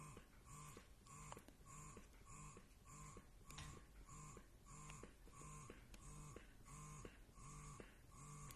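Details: Quiet rhythmic mechanical whirring pulses, about 90 per minute, from a Willow Go wearable breast pump running in stimulation mode. The pump has six stimulation and nine expression modes.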